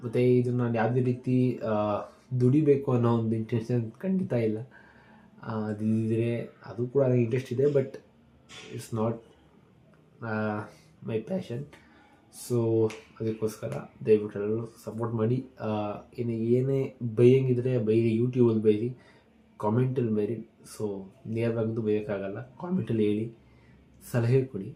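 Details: Adult man speaking Kannada, with stammering since childhood, worse when speaking live or on the phone; practising daily to speak calmly; stuttering.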